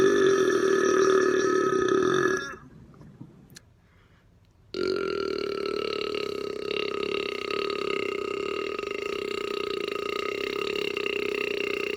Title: Burp Compilation